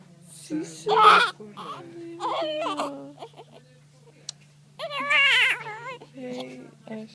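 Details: Newborn in the first minutes of life: short, high, wavering cries with adult voices and a steady hum in the background. A newborn crying.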